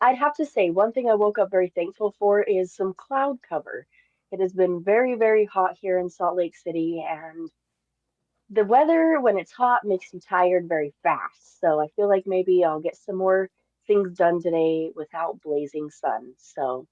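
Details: Adult woman; typical speech.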